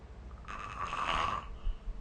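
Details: A single harsh, rattling snore lasting about a second over low background hum, recorded with the SnoreLab snoring app during sleep: snoring.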